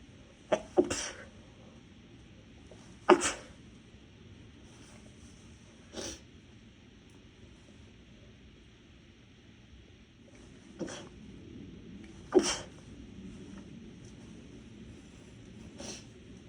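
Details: Six short, muffled sneezes held back rather than released, over about sixteen seconds. They are stifled sneezes from a nose irritated by dust and cleaning products after house cleaning; the person says they are allergic to neither.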